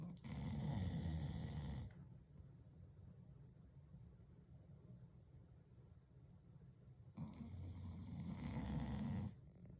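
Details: Two long, low, rattling snores about five seconds apart with quiet breathing between, from a sleeping dog; snoring.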